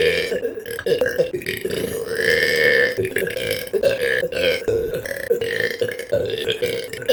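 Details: A long, loud, rumbling belch lasting several seconds with shifting pitch, consistent with repeated burping.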